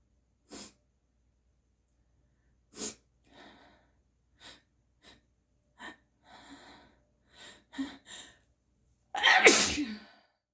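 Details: Deliberate, forceful sneezes with increasing congestion: short sniffs and catching breaths build to one loud, wet, explosive sneeze; a congested sneeze.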